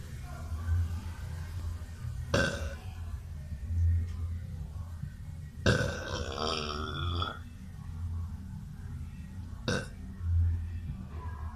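Three loud burps, the middle one long and rumbling, over low background hum; repeated belching.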